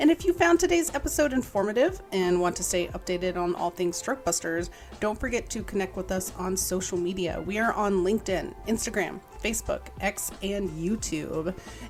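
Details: Adult woman speaking; normal speech.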